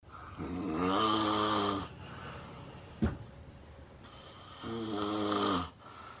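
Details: Woman sleeping on a couch, snoring loud enough to hear across the room: loud, harsh, vibrating snores on each inhaled breath with quiet pauses between. Heavy snoring.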